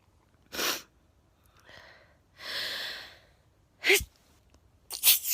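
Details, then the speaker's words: Man, warm and probably a bit tired on his first day back at work, with sharp in-breaths and several explosive sneezes in quick succession, sniffing between them; a bout of repeated sneezing. "it's because i'm talking i'm gonna stop sneezing i'll stop talking to see if i sneeze i'll see if does he continue sneezing"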